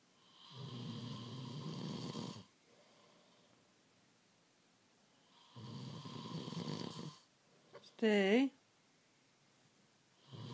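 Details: Adult man asleep, snoring before his partner wakes him: two long, loud, rough snores about five seconds apart, with a brief squeaky voice between them.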